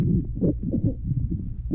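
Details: 3½-month-old girl with congenital tracheal stenosis complicated by tracheobronchitis: harsh, loud breath sounds with coarse bubbling crackles and tracheal and bronchial breathing.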